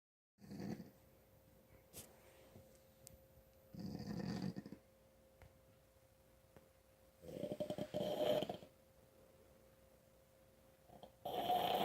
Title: Snoring and breathing loud.